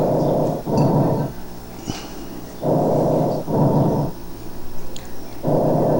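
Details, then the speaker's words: Normal tracheal breath sounds heard over the larynx, trachea and main bronchi, produced by turbulent airflow through the glottis: loud, harsh, hollow breath sounds in and out with brief pauses. "ese es el ruido que escucharíamos nosotros y auscultar amos sobre la laringe sobre la tráquea sobre los bronquios mayores"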